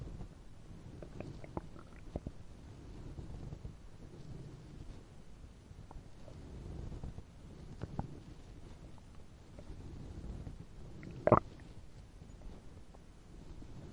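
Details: Animated, fictional robot character's upset fuel tank (stomach) while lying down: soft, low gurgling with one brief louder gurgle near the end, simulated stomach rumbling.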